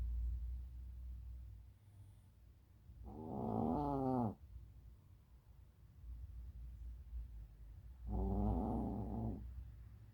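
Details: Sleeping dog snoring: two loud, rumbling snores about five seconds apart over steady low room noise; snoring.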